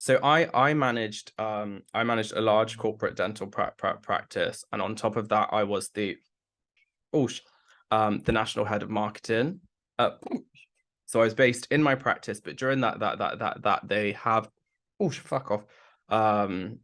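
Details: Adult man with Tourette syndrome beginning in his mid-20s after brain damage, with complex tics that worsen with nervousness or heightened emotion, plus a stammer that was worse in the past; Tourette syndrome vocal tics with stammer.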